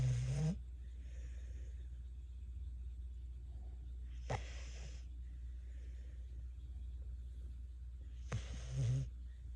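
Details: Low snoring breaths at about 15 per minute over a steady low hum, from a snoring subject sleeping with eyes open.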